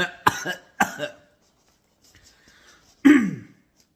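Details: Adult coughing while eating a very hot, freshly baked cheese and pepperoni pizza: three sharp cough bursts, with a quiet pause before the last one.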